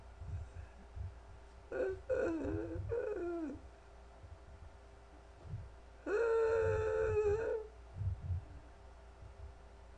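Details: Simulated laryngospasm lasting about 10-15 seconds during laryngoscopy: vocal folds open for normal breaths, then tightly clamped for a breath, then partly opening as the spasm relaxes, then back to fairly normal breathing.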